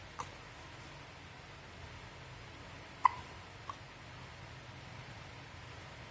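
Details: 1-month-old baby babbling, then three short, sharp hiccups over quiet room background, an ordinary harmless hiccup bout.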